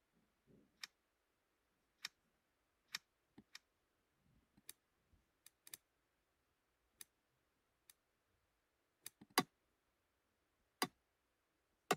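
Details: Simulated recreation of ear clicking from middle ear myoclonus (stapedius/tensor tympani), made with a tinnitus sound-replication program: sharp, irregular clicks against a quiet background.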